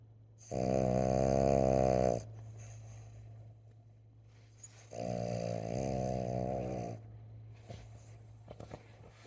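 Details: Two long, loud, buzzing snores a few seconds apart with quiet room noise between them; snoring.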